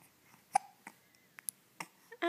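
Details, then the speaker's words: Several brief, sharp catches from an infant, spaced irregularly in a quiet room: baby hiccups. "It's hard to smile when you have the hiccups."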